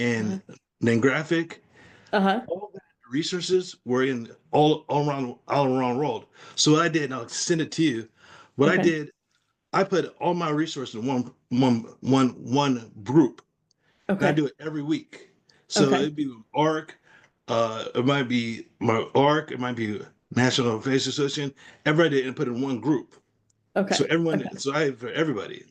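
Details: Aphasia in a man after a stroke.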